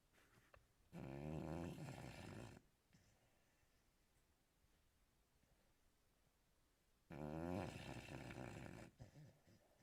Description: Cuba is American Stafford Terrier...and she snores